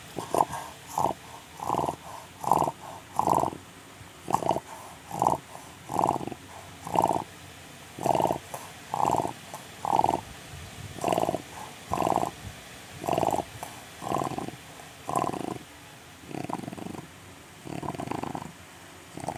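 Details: Steady rhythmic snoring from a sleeping chow chow dog, short snorting breaths about 55 a minute, each with a rough nasal rattle; snoring.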